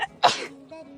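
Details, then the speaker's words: Allergic sneeze in a person with hay fever or horse-hair allergy, just after brushing their horse and unable to stop sneezing: a brief intake of breath, then a single sharp, explosive sneeze. "Because I've just brushed my monster and I feel like I cannot breathe and I cannot stop sneezing. It's so bad."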